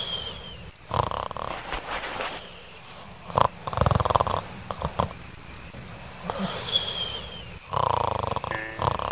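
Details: 3D animation, not a real recording: repeated rough, rattling breathing noises with snorting bursts and whistly tones, some background noise; snoring.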